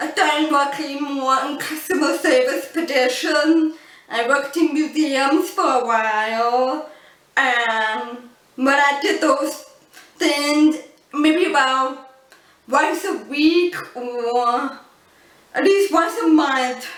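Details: Adult woman born deaf who uses cochlear implants and learned to speak English through speech therapy; people often mistake her deaf accent for a foreign accent; deaf speech.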